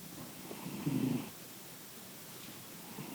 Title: My cat snoring.